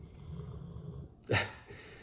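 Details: Soft snoring heard in the background, behind a man talking indoors; someone or something sleeping nearby is snoring.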